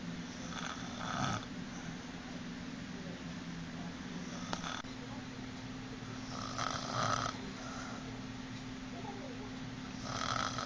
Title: Mom snoring